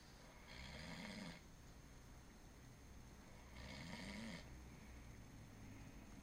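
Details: Two slow, rough, rattling snores on inhalation, about 20 a minute, against steady background hum, from a sleeping friend; snoring.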